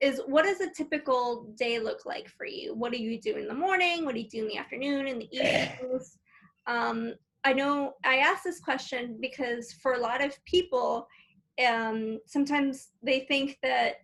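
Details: Adult woman speaking; normal speech.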